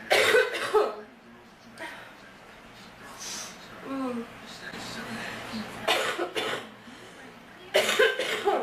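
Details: Girl with a sore throat ("my throat hurts so bad") coughing in bursts at the start, middle and end, with quieter breathing and room noise between.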